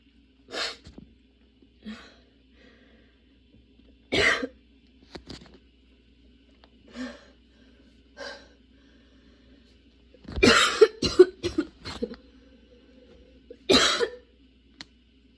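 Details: Sudden-onset, nonstop coughing fit that kept worsening, bringing tears and frequent position changes: about a dozen harsh coughs, some single, some in close clusters, with short breaths between.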